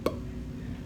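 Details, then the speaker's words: Dull percussion note over the chest, one short flat tap with almost no ring, expected where fluid or excess tissue replaces normally resonant lung. "there's getting some type of fluid there's gonna be some type of excessive tissue in there so it's gonna sound instead of that you know nice it's gonna be like"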